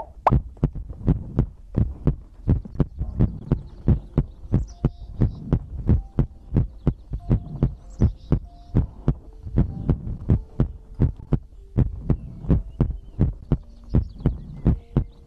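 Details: ASMR heartbeat-and-breathing compilation recording: steady heartbeat of paired thumps, about 85 a minute, with faint soft tones and breathing in the background; heartbeat.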